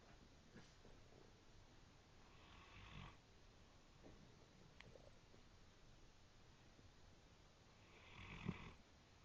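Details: Brindle Great Dane snoring, said to sound like a train: quiet, soft snoring breaths with a faint rasp, two noticeable snores about six seconds apart, over low room hum.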